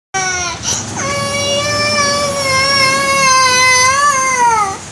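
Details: Loud, sustained, high-pitched wail of a young child refusing a midday nap, crying with a brief catch of breath near the start.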